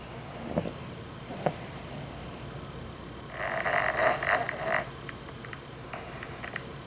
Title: How to stop anyone from snoring (snoring dog)